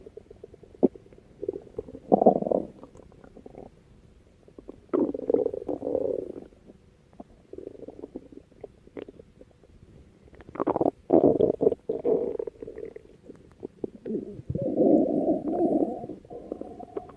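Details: Stomach growling (borborygmi): irregular low gurgling and rumbling bursts with bubbling clicks from gas and fluid moving through the gut.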